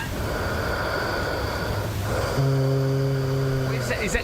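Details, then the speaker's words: An adult man snoring, recorded for the first time, gives a quiet hiss of breathing, then a steady, low, droning tone lasting over a second, like a distant horn; listeners suggest it comes from his throat. "okay so have a listen it's a bit weird but I don't know where this sound is coming from but this is me snoring for the first time"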